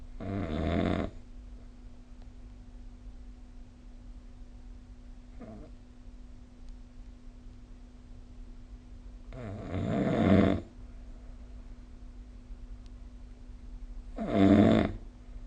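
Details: Snoring recorded with the SnoreLab phone app: three loud, rough, rattling snores on the in-breath, about 14 per minute, with a steady background hum.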